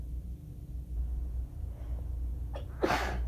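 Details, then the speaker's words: Allergy attack after waking from a nap, following days of constant sneezing, with asthma problems and coughing; A/C off, neighbours' TV audible: a quiet in-breath, then one sharp, rough sneeze into a handkerchief. "I've been sneezing so much over the past few days that I just didn't want to use paper towels anymore. Oh, and it just won't fucking stop."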